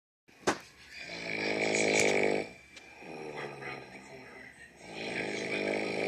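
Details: Mother snoring in sleep: loud buzzing, vibrating snores on the breaths, with a brief click at the start, in a small room; snoring.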